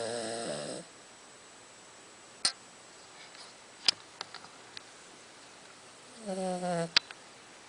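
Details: Pet Charlie, freshly shaved for summer and wearing a jumper, snoring as usual: two brief nasal snoring breaths with quiet pauses, small clicks and sniffs; snoring.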